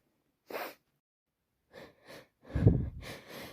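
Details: Sharp nasal bursts and sniffs, then a forceful, wet sneeze from a person with a bad head cold who is also blowing their nose.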